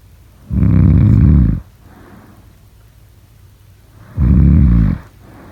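Two loud, low, rattling inhaled snores about four seconds apart, with quiet breathing between them: typical snoring during sleep.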